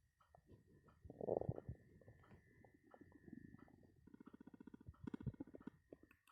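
Irregular gurgles and rumbling bursts from an adult's stomach, typical growling of an empty stomach from hunger.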